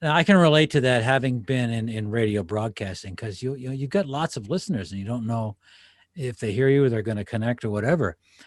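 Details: Adult man speaking; typical speech.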